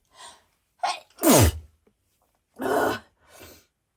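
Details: Woman's allergic sneezing on Valentine's Day: a quick inhaled build-up, then two forceful sneezes a second apart and a softer exhale.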